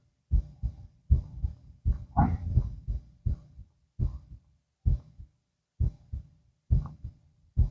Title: heart auscultation (laying down)